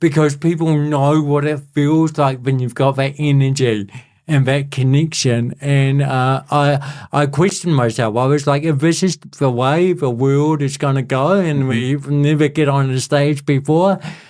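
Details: Adult male born with cerebral palsy, congenital and lifelong, who calls it a physical disability affecting how messages travel around his body; real speech; dysarthria (cerebral palsy).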